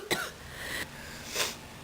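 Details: Cough from a person with a cold who had strep just before it: two short, sharp coughs close together in a quiet room.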